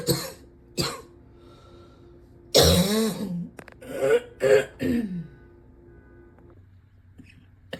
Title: #72 - more of this gross cough